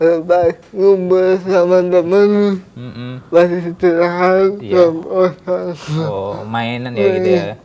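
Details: 22-year-old man with cerebral palsy, who has had therapy emphasising speech therapy, speaking Indonesian; dysarthric speech in cerebral palsy.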